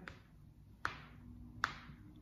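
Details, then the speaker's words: Adult deliberately cracking his own fingers by forcing the joint movement slightly: joint cavitation, two sharp, brief pops about 0.8 seconds apart. "là je me suis fait craquer les doigts qu'est-ce qui s'est passé dans mon articulation pour que ça génère un bruit et donc que ça génère ce ce fameux craquement"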